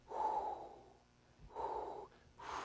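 Vocal imitation of a blowing murmur that starts loud and fades, a decrescendo diastolic murmur.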